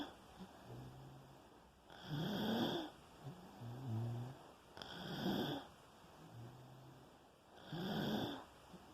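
Rhythmic rough snoring on each in-breath with quieter out-breaths, roughly 11 breaths a minute.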